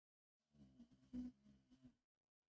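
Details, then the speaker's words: Single quiet, low, rattling snore rising briefly mid-breath from a sleeping 11-year-old female boxer dog; snoring. "oh the snoring that's my dog uh I have my two my two dogs here in the room one of them is five months old the other one is 11 years old you could hear that snoring that's crazy yeah she's a 11 year old boxer"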